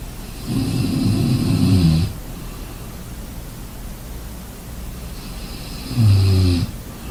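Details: Snoring during sleep: two long, low rattling snores on breathing in, several seconds apart, over steady background noise.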